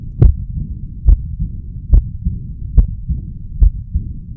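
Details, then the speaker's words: Simulated patient at about 71 beats a minute, stethoscope at the left lower sternal border, 3rd–4th intercostal space: soft blowing murmur filling the pause after each beat; diastolic murmur, possibly aortic regurgitation. "So Mr. Garcia has a diastolic murmur, and it's coming from one of his 4 valves."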